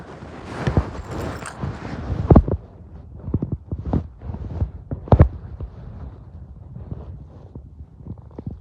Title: I’m starving listening to my stomach growls